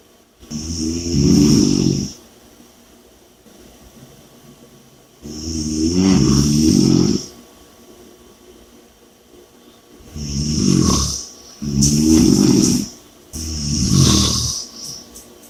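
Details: Loud, rough snores on each breath in, about 12 a minute, with quiet pauses between them; ordinary heavy snoring during sleep.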